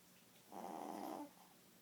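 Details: Snoring during sleep: a single rough, rumbling breath sound lasting under a second.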